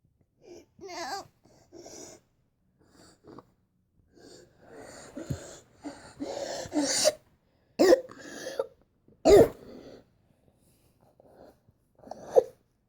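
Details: Adult with noisy whistling wheezes and several harsh coughs, consistent with narrowed airways, recorded to show a doctor.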